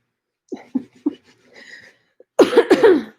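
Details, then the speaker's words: Lingering cough about two weeks into COVID-19, no longer productive; now a dry, non-productive cough; treated symptomatically with Mucinex and Tylenol. "But now it's just kind of like a cough and not anything. You know what I mean? Now it sounds like that."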